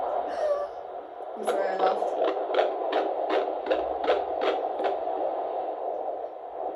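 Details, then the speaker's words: Fetal heartbeat at 19 weeks of an IVF pregnancy, on handheld Doppler at a midwife appointment: rapid, regular whooshing pulses at about 155-160 beats a minute. "and she also listens to heartbeat so i'm i filmed just like a little bit of that kind of appointment so i shall pop that in now"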